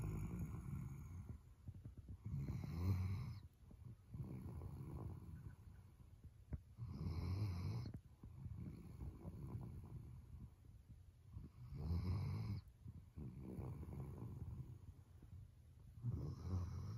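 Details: Sleeping Weimaraner dog snoring: low, rumbling snores roughly every four to five seconds, about 13 a minute; ordinary dog snoring.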